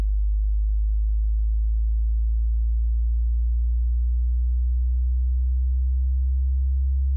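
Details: Tinnitus pitch-matching frequency sweep running from the lowest audible tone to the highest, with a digital indicator for each tone, meant for headphones; this opening part is a steady, very low pure tone.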